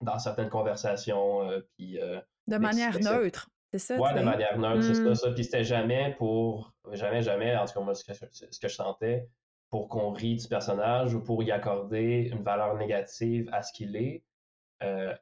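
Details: Stuttering in a young French-speaking man who reports mostly silent blocks and sometimes short repetitions.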